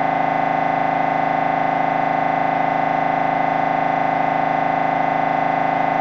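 Loud, steady, rapid mechanical buzzing pulses at about 158 a minute, the typical gradient knocking of an MRI scanner during a brain scan.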